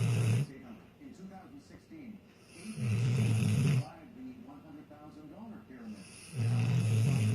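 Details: A sleeping Rottweiler dog gives loud, deep, rumbling snores about every three seconds, with quieter breathing between them; snoring.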